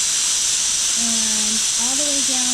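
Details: Magnetostrictive ultrasonic scaler used on a typodont, mandibular anterior sextant, operator at the 9 o'clock position, dental hygiene training: steady high hiss with a faint changing tone as the tip works along the teeth.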